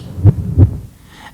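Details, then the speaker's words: Fast heartbeat of a sick child with a 102.2°F fever, in an educational children's video: two quick, low heart thumps about a third of a second apart. "is Paul's heartbeat when he's sick wow so fast do you hear how fast it is sure do that's a sign that something is right"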